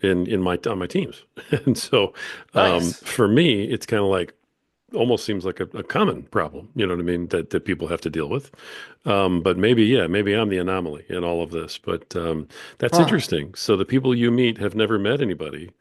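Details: Adult male speaker; typical speech.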